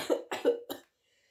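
A quick run of three coughs, then silence. A cough from a common cold.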